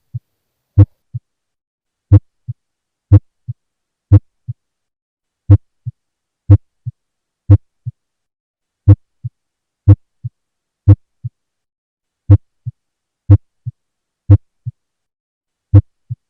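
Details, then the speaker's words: Heartbeat about 60 a minute, heard with stethoscope, with a sharp, loud first sound and a softer second sound: loud first heart sound (S1). "This is the Loud First Heart"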